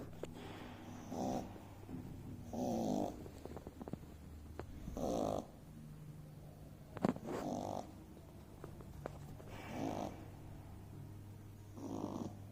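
Soft rhythmic snoring from a sleeping puppy, about 26 breaths a minute, with a steady low background hum.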